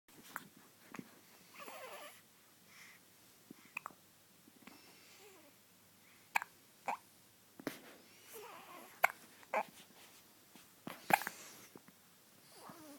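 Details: Baby with hiccups in the morning: sharp, brief, irregular catches of breath, roughly 29 a minute, in a quiet room.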